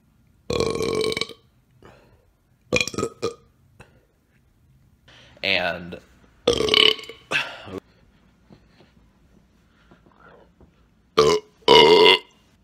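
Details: A series of about six loud, voiced belches separated by short quiet pauses; burping.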